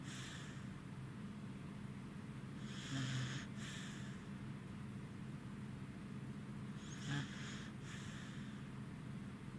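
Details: Corgi dog sleeping beside another dog while tired: two rough, rattling snoring breaths about four seconds apart over steady low background noise; snoring during sleep.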